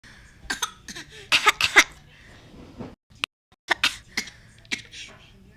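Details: Genuine, not faked, repeated short, harsh cough bursts in clusters with brief pauses between bouts, recorded on an iPhone.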